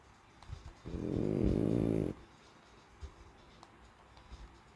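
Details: Sleeping French Bulldog: one loud, rattling, buzzy snore about a second long, then quiet breathing with small snuffles; flat-faced dog snoring.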